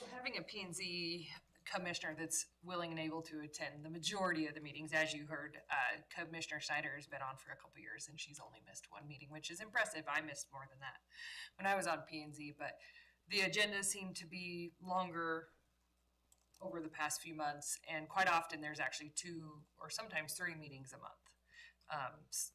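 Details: Adult woman speaking; normal speech.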